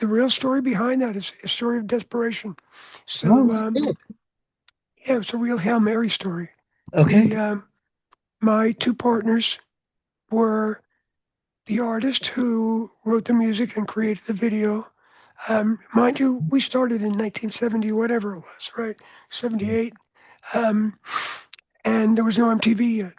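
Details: Adult man whose voice was altered by throat cancer, treated with surgery, radiation and two years of experimental chemotherapy: voice change after throat cancer treatment.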